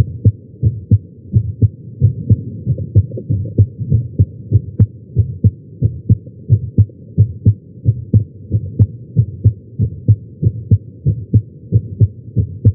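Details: Heartbeat recorded during chest pain with a Stemoscope electronic stethoscope at the tricuspid area, lying on the chest; steady thumping heart sounds at about 90 beats a minute with a low hum.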